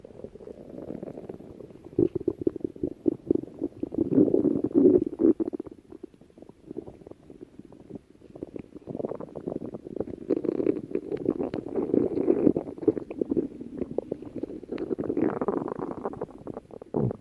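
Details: Female stomach growling: long, gurgling, bubbling borborygmi rising and falling in waves over about seventeen seconds.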